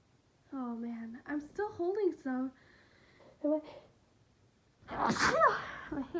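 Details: Several breathy, rising voiced build-ups, then a forceful explosive sneeze in a quiet room, from a sick person with sniffling and a persistently tickling nose; sneezing fits with a cold.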